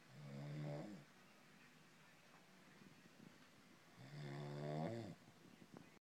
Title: Purr and Snore